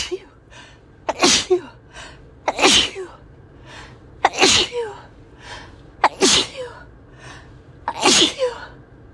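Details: Person sneezing uncontrollably in a car: five forceful sneezes in about nine seconds, each with a sharp inward catch before it; a bout of repeated sneezing.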